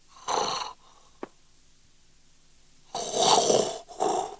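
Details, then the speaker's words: Simulated snoring by an actor in a 1977 Soviet film scene, where the character is told that people don't snore like that; snorting snore-like sounds with a brief click and pauses. "Вы меня не убедили. Люди так не храпят."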